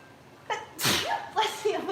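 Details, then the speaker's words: Single sharp adult sneeze, with a brief voiced inhalation before and a vocal sound after, while cooking with lots of seasoning; sneeze. "oh okay I'm gonna sneeze good I can't keep this up holy cow so the dangers of making your own spice level oh yeah"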